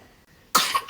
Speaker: Pourquoi tu dis atchoum à chaque fois que tu tousses?